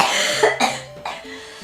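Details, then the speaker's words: Two or three sharp, harsh cough bursts from a young woman who reports having become really sick, with soft background music. "Oh my god, this is like going to be a video of me coughing only."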